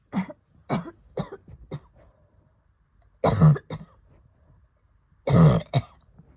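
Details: Asthma attack following COVID-19 recovery: a run of short, dry coughs, then two harder double coughs with pauses between; asthma attack cough.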